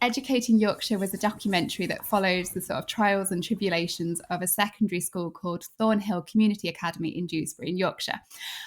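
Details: Adult woman speaking; typical speech.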